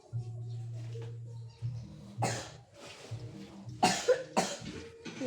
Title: masih batuk ngukluk🥹 #r2official